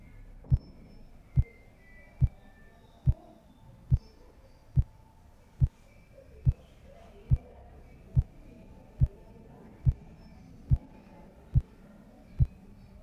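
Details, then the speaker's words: Steady, sharp tapping at about 71 per minute: Korotkoff sounds heard through a stethoscope over the artery at the inside of the elbow as a manual blood pressure cuff deflates; diastolic pressure is read when the sounds disappear. "the diastolic blood pressure is the number when the sounds disappear this is the bottom number"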